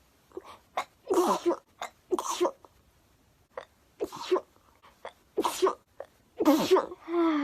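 A rapid series of about six sneezes, each a sharp voiced burst with a brief intake between, in a quiet room.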